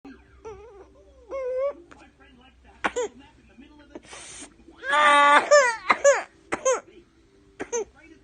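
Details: 19-month-old toddler with whooping cough (pertussis), diagnosed after 4 weeks: distressed crying between short, harsh choking cough bursts, little whoop, typical for an older toddler.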